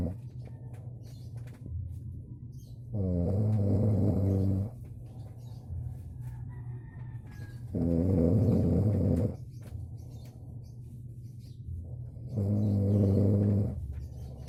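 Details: Adult man who complains he can't sleep, snoring; tagged obstructive sleep apnea but not stated as diagnosed. Rhythmic low rumbling snores, about 13 a minute, each over a second long, over a steady background hum.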